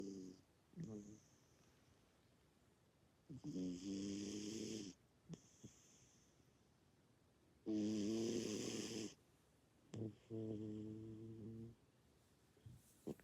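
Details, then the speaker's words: A sleeping pet cat snoring: repeated buzzing, vibrating snores with short quiet gaps, some breaths louder than others, in a quiet room; someone remarks it was snoring. "You were snoring. Bean? Bean? You were snoring."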